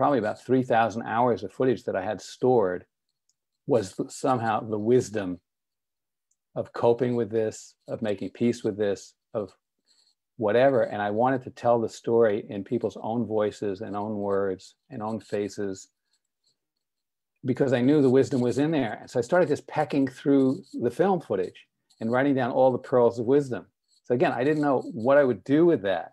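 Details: Adult male speaker; typical speech.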